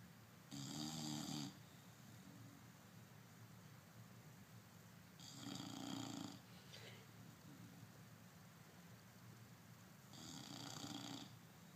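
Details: Fiona sleeping and snoring: three loud rough snores about five seconds apart, about 12 breaths a minute, over steady room noise. Snoring during sleep.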